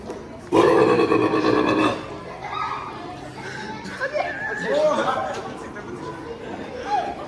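A loud, drawn-out voiced belch lasting over a second, followed by laughter and chatter in a room.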